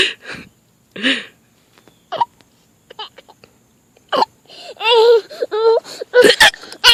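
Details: An adult mother with hiccups gives several short, sharp hiccup gasps, each followed by bursts of her baby's giggling laughter; hiccups.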